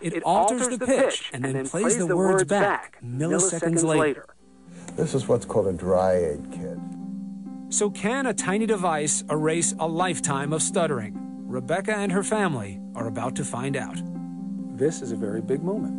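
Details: Adult male narrator; no speech disorder.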